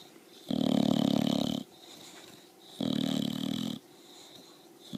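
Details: Loud snoring from a sleeping bulldog: rough snores about one second long, two in five seconds, with quieter breaths out between them.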